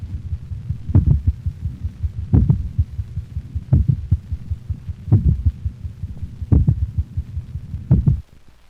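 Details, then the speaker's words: Canine heart auscultation at the mitral valve area, complete heart block: louder but slower ventricular sounds about 43 a minute, with faint lower-frequency faster atrial sounds between them. "listen carefully for the lower frequency atrial sounds occurring between the louder but slower ventricular contractions of complete heart block"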